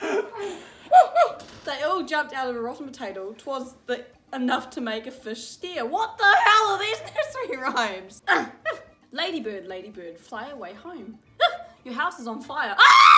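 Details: Teenager with Tourette syndrome reading aloud, interrupted by involuntary vocal tics including swearing and inserted words and phrases.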